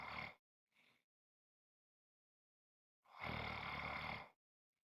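Two loud, rough, rattling snores with a faint breath sound between them during sleep; snoring.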